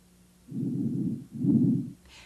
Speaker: You should hear bronco vicicular sounds between the scapula. These sounds are moderate in pitch and amplitude with an inspiratory phase equal to the expiratory phase.